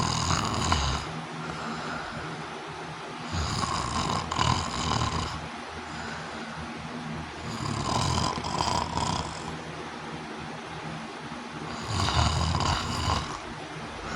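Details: Female with obstructive sleep apnea, stopping breathing almost 100 times an hour, awaiting CPAP: loud rasping snores every four seconds, quieter breathing between, no clear pause here.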